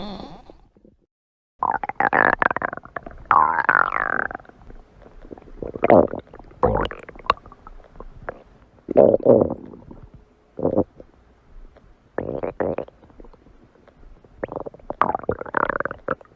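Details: Repeated gurgling, squeaking and rumbling bursts from the belly of a person who says she is hungry; stomach growling (borborygmi).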